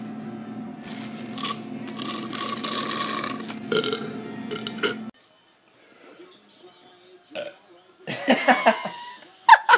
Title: Vine Burps 28